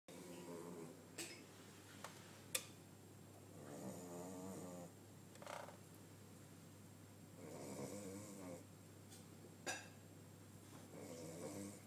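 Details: A dog sleeping after a very long walk snores in steady rattling cycles about every 3.5 seconds, roughly 17 breaths a minute, with a constant low hum and occasional clicks.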